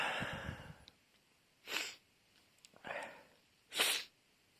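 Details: Brief sneezing fit: several quick sneezes and sniffs in close succession over a few seconds.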